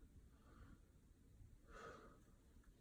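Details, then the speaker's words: Deep breathing by a patient during the respiratory part of a head-to-toe physical assessment with a "say 99" check: quiet, deep breaths in and out against faint room noise. "I want you to say 99 for me okay take a deep breath take a deep breath take a deep breath"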